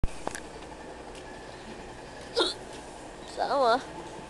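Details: Adult hiccuping at a train station: two sudden, sharp, involuntary voiced catches a second apart over quiet road noise; hiccups.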